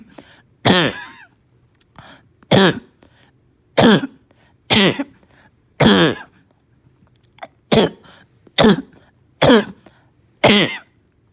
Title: Barking cough w/slight fever, gagging, puking